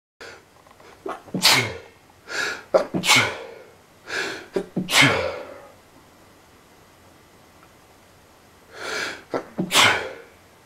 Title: FAST LOUD AND CRAZY SNEEZING AND CAN'T STOP MYSELF FROM SNEEZING BECAUSE OF SICKENING ALLERGIES!!!